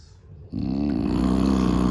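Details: A father snoring in the background: a loud, low, rattling snore on inhalation after a brief quiet moment.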